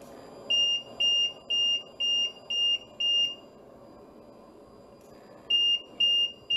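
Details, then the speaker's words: Ventilator alarm on the Leonardo high-fidelity patient simulator: intubated patient's compliance and resistance changed from 100% to 33% compliant, ventilator "starts to kick"; rapid repeating high-pitched alarm beeps, about two per second, pausing then resuming. "so here we're going to change compliance and resistance you'll hear the ventilator start to kick doesn't like it"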